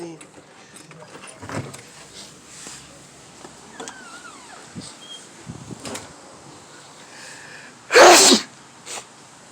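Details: One loud, sharp sneeze near the end, after a stretch of quiet room and household noise in a kitchen or backyard.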